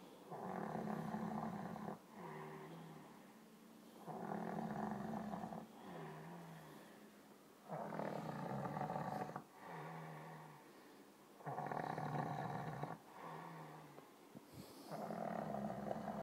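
Loud rhythmic snoring with a rattling inhale and softer exhale, about four breath cycles in sixteen seconds.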